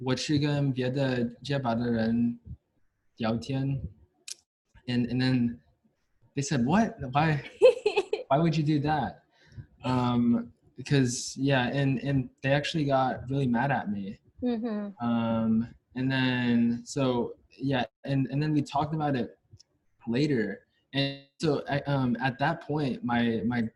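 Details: Stuttering in a US-born man from a Chinese family, a senior university neuroscience student, who has stuttered since about age five or six, with blocks and getting stuck on sounds; his father and maternal grandfather also stutter.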